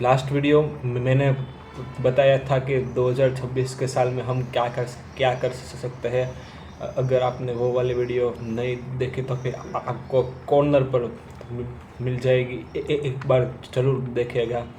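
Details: Man who stammers, speaking Hindi about the slow speech technique for stammering; word repetitions heard. Finding: stuttering.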